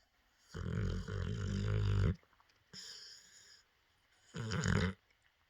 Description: Does anyone else's dog snore and dream like this ? haha